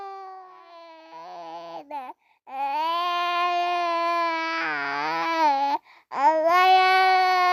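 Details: Infant crying from a baby boy: long, loud, sustained wails with brief pauses for breath.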